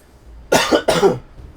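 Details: Adult gamer coughing while playing and talking, with a dry throat, reaching for water and clearing the throat: two quick, loud, harsh coughs in a row.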